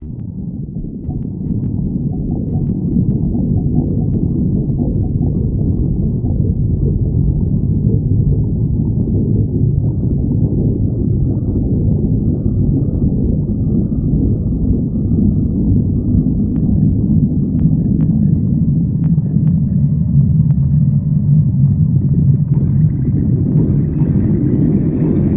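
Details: Stomach growling (borborygmi): a continuous low, deep gurgling rumble, steady throughout, with faint higher squeaks near the end.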